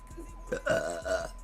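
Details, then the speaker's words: A woman burping: one long, voiced belch of about a second, rising and falling in pitch. "Burping. Oh my god. Ooh, boo, boo. Oh my god, I have to burp again."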